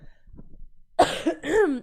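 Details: Cough from a livestreamer who says they cough a lot, in a coughing compilation; faint shuffling, then a voiced cough with a throaty, groaning tail.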